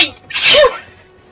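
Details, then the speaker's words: Single sharp hissing sneeze after a quick in-breath, from a person during a live gaming stream. "Just sneezed and a heart fell off my head."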